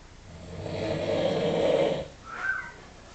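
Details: One long, rough, vibrating snore on the in-breath, followed by a brief whistling out-breath from a sleeping adult; snoring.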